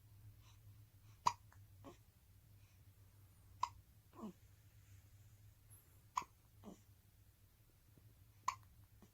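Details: Newborn baby girl hiccupping: four sharp hiccups at regular intervals, each followed by a soft squeak, in a quiet room; infant hiccups.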